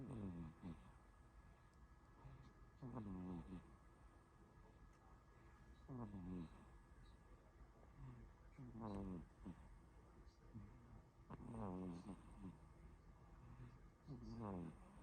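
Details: Tired 5-month-old baby asleep: soft, regular snoring sounds on each breath, about 20 a minute, with a faint steady hum in the room; snoring.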